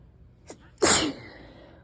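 A short intake of breath followed by one loud, explosive sneeze.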